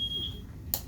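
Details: A steady high electronic tone, then a brief click, as a Respironics BiPAP machine powers on before its self-test. The machine is hooked to wall oxygen and improvised as a ventilator during the COVID-19 crisis.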